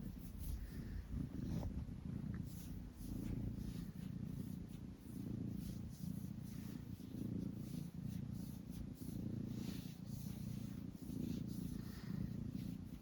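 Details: A relaxed, resting cat purring: a steady, low, rumbling purr rising and falling with about 30 breaths a minute.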